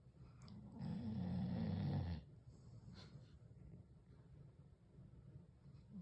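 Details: One long, deep, rattling snore on an in-breath, then quieter breathing, from a sleeping dog; snoring.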